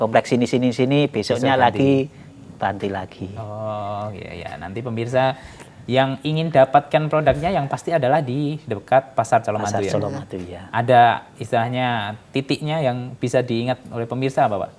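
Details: Adult male speaker; normal speech.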